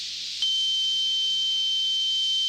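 A steady high-pitched hiss begins suddenly, with a clear continuous whistle-like tone standing out on top of it. This simulates combined tinnitus, a background hissing with a prominent tone in the foreground, a more common form than the roaring type.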